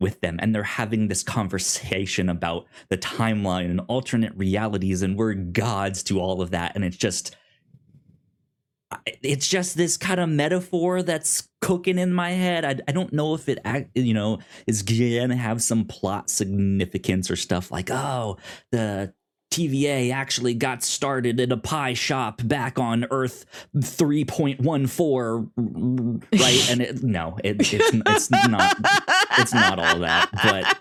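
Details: Adult male podcast host with a self-reported speech impediment, stuttering.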